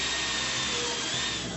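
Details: Steady high-pitched whining hiss of a powered surgical drill during emergency ENT surgery on a 15-year-old boy to clear infected sinuses in severe sinusitis and stop the infection spreading to the brain.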